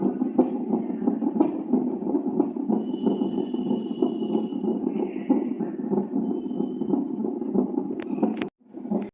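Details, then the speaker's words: Pregnant woman at hospital on her delivery day, before going to delivery and before CTG monitoring: rapid, regular whooshing fetal heartbeat on Doppler, roughly 150–180 a minute, with faint room noise. "విన్నారు కదండీ నా baby heart beat అన్నమాట delivery కి వెళ్ళే ముందు నా baby heart beat అయితే అంతా ఉంది"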